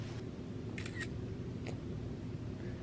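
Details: Cat sneezing, followed by an owner's "bless you".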